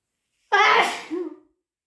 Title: Super loud, wet and harsh induced sneezes!